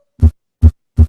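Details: Simulated heart sounds from an app, played in a physiology class: clean, evenly spaced low thumps of a normal sinus rhythm with no added noises.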